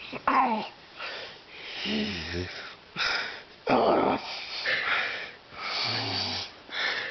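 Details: Adult man snoring: uneven noisy breaths with sharp snorts and a low rattling buzz every few seconds.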